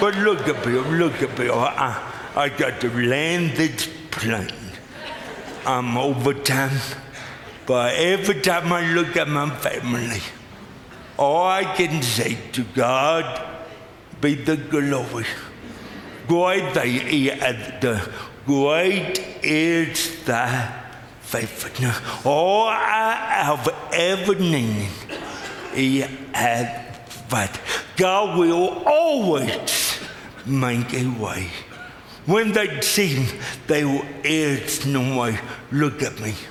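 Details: Adult man with lifelong cerebral palsy; speech dramatically affected and hard to understand at first, forming words in his mouth hardest for him; dysarthria (cerebral palsy).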